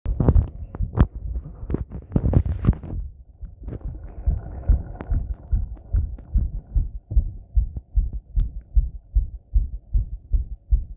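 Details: Heart sounds recorded after a bath with pressure applied: rapid, regular low heartbeat thumps at roughly 150 a minute, with rubbing and handling noise early on.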